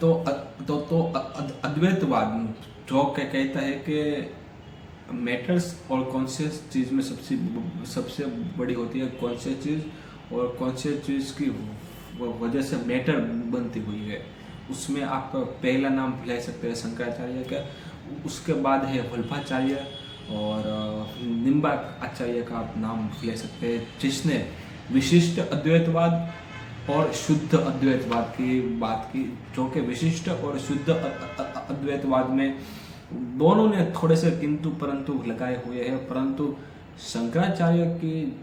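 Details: Adult man with stammering, speaking continuously for about 10 minutes as reading and storytelling practice on day 3 of a daily fluency routine that includes breathing and relaxation exercises; stammering.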